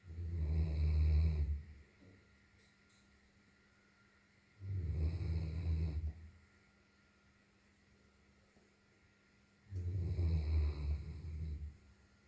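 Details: Long-haired German Shepherd dog asleep, three deep low rumbling snores about five seconds apart, roughly 13 a minute, quiet between; snoring.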